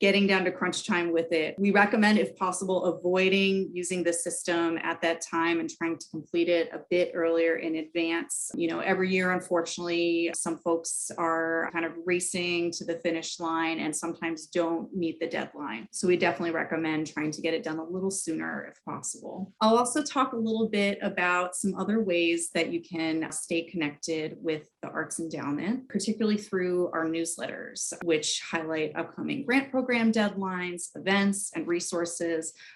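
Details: Adult woman; typical speech.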